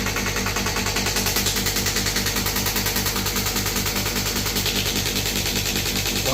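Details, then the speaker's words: Third-generation ballistic-pressure shockwave therapy machine demonstrated on the presenter's hand: loud, regular rapid ticking pulses, about 150 a minute, over a compressor hum; he then lowers the frequency and power because of a pricking feeling. "Start यहां से machine हो गई। Compressor चालू हो गया। जब मैं इस बटन को दबाऊंगा तब मशीन स्टार्ट होगी।"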